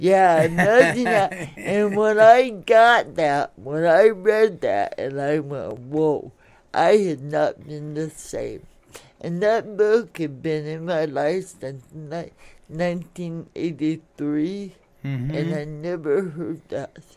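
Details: Adult woman born in 1959 with lifelong cerebral palsy affecting her speech and motor skills, which she attributes to oxygen being cut off to her brain during delivery; some listeners have difficulty understanding her; dysarthria.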